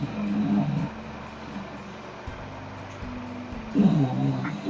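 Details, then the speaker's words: A sleeping female dog makes rough, low, rattling breath sounds, two snores about three seconds apart; snoring. "can hear the dog it's she's snoring"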